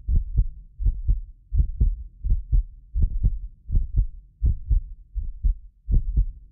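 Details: Heartbeat of a self-described medically fit person, recorded with several precision contact microphones for ASMR: steady, regular paired heart sounds at about 80 a minute with low background hum; normal heart sounds.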